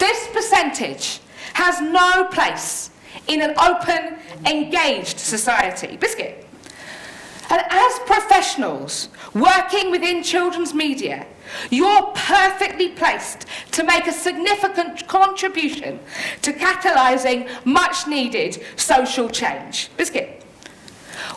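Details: Adult woman living with Tourette syndrome, with frequent vocal tics of words interrupting her speech; Tourette syndrome vocal tics.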